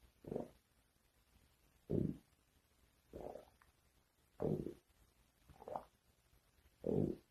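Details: Stomach growling (borborygmi): six short, low gurgling rumbles a few seconds apart against a quiet background, from gas and fluid moving through the gut.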